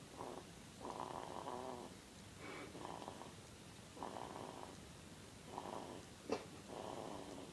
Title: at 2 weeks old snoring its soo funny and so cute!